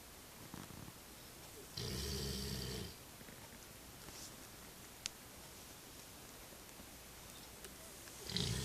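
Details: Sleeping retriever dog snoring: quiet room with one soft rasping snore on an in-breath and the start of another.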